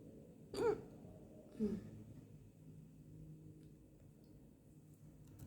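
Two short, abrupt throaty catches about a second apart over a quiet room hum; hiccups.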